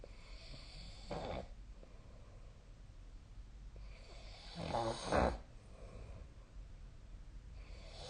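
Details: Sleep snoring recorded with the SnoreLab snoring app: soft breathing in room noise with two snorting snores on inhalation.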